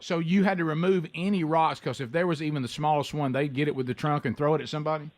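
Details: Adult male radio host; Normal adult speech.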